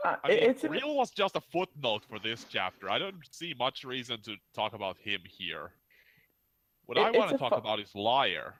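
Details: Adult male speaker; ordinary speech.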